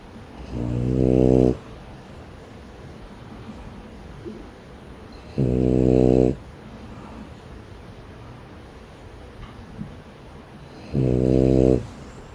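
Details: Sleeping French bulldog snoring: three loud, buzzing inspiratory snores about every five seconds, roughly 12 breaths a minute.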